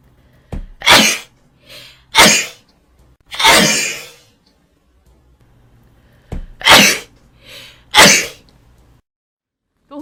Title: Twitch Live Streaming Sneezing